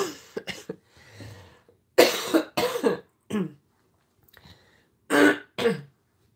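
A sudden fit of about eight harsh, rough coughs in quick clusters with brief pauses, a persistent cough from a lingering cold.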